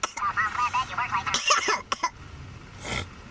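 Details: Adult coughing after smoking cannabis (keef, hash): brief speech, then a few harsh, rough cough bursts and throat clearing, an irritated cough after inhaling smoke.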